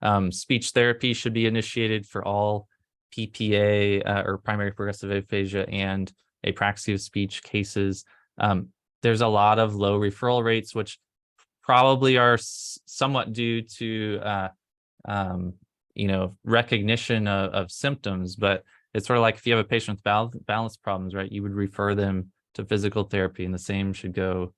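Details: Adult male speaker; normal speech.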